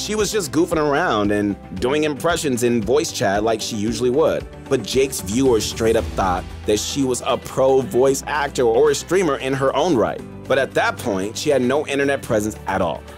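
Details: Adult narrator; Typical speech.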